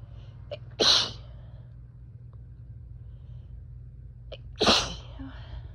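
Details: Person sneezing after lawn mowing outside brought in grass: two sharp, explosive sneezes, each preceded by a brief quick inhalation, against low steady room hum.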